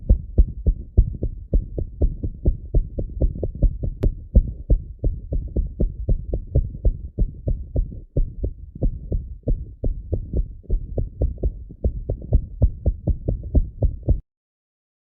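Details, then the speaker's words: Atrial fibrillation heard by stethoscope: fast, irregularly irregular heart sounds with a variable first heart sound (S1) whose loudness changes from beat to beat. "तो आपको वो irregularity मिल जाएगी। Variable frequency आपका S का मिल जाएगा।"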